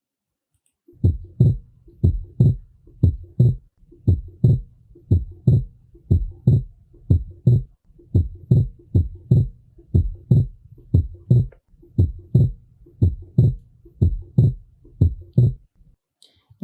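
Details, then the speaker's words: Regular heart sounds at about 60 a minute with S2 split on every beat regardless of inspiration or expiration, pulmonary component always delayed; fixed splitting of the second heart sound. "nessa situação independente da inspiração e da expiração a B2 está sempre 10 dobrada O componente pulmonar está sempre atrasado em relação ao"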